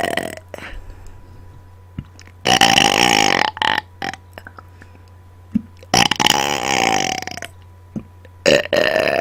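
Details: An adult voluntarily belches into a microphone after dinner, on command: three loud, drawn-out voiced burps of about two seconds each, separated by quiet pauses with a faint steady hum. Excessive belching (eructation).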